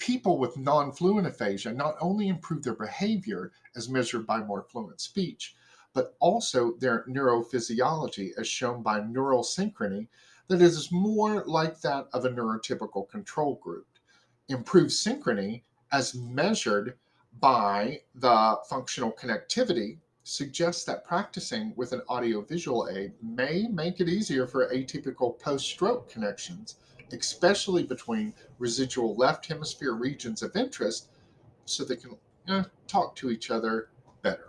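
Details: Adult male speaker; Normal fluent speech.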